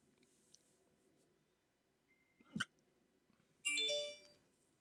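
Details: Adult with sleep apnea on CPAP treatment, hiccups after waking from sleeping with the CPAP mask, part of a rare 14-minute attack: a single short, abrupt catch of breath, then a brief louder noise; hiccups.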